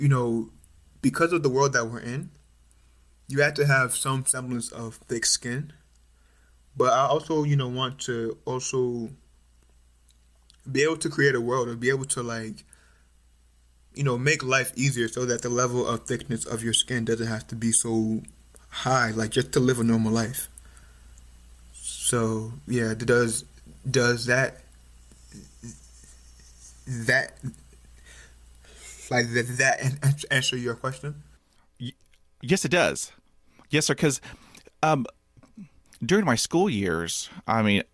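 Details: Stuttering in an adult male third-year medical student, more pronounced since about age 6 or 7, with family history (mother and uncles stutter); now overt, with blocks, facial tension and eye squeezing.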